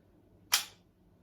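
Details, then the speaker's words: Adrenaline auto-injector (cap removed) jabbed into the thigh for anaphylactic shock and held about five seconds, demonstration; a single sharp click in a quiet room as the pen fires. "so what we would do is remove the cap throwing area again is always the thigh and what we would do is do a job in in to the skin"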